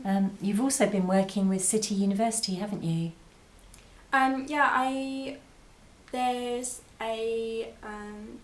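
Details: 22-year-old woman with expressive aphasia after a stroke at school at age 18, recorded four years post-stroke; her speech has improved, but reading, writing and numbers remain difficult.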